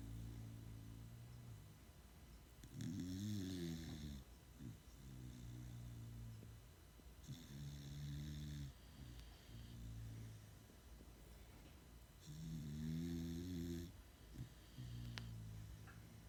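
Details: Low rumbling snores from two dogs napping in the afternoon, overlapping in a loose rhythm with snorting inhales; ordinary harmless snoring.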